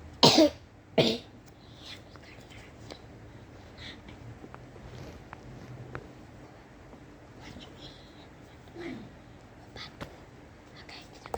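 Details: Two sharp coughs at the start, then quiet room noise with faint clicks: a brief bout of coughing.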